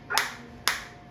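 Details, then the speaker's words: Biotronix focused shockwave therapy applicator on the operator's own hand, intensity being raised step by step from minimum (around levels 2–3), frequency 120: two sharp snapping cracks about half a second apart; sound changes with intensity. "Three आप देख सकते हैं change sound में भी और मेरे को feel में भी आ [प्रशंसा] रहा है।"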